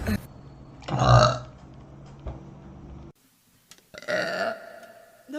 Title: girl burp compilation corona quarantine special short #funny #movieclips #celebrityinterview